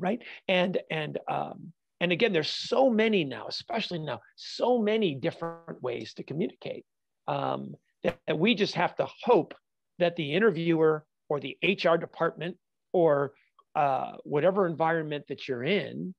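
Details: Adult man with stuttering (fluency disorder) since childhood, still stuttering all the time, not only when nervous; real.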